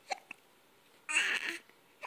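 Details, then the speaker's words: Smiling baby boy hiccuping with brief sharp catches of breath followed by short squeaky coos in a quiet room; infant hiccups. "oh you have hiccups you're still smiling you're still smiling you have hiccups"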